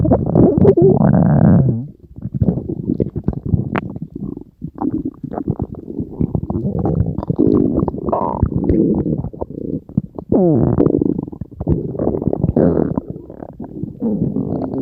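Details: Ordinary stomach growling (borborygmi): continuous gurgling, rumbling bowel sounds with long low growls and bubbly squeaks.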